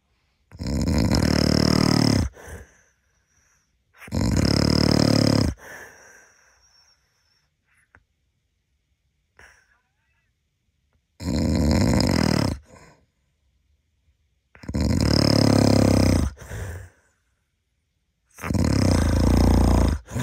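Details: Husband snoring in sleep: five loud, harsh, rattling snores on inhalation separated by silent pauses of a few seconds; heavy snoring.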